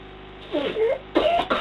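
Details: Child coughing at 5 am after coughing all night, 15 minutes after two puffs of Ventolin; two short coughs in a quiet room.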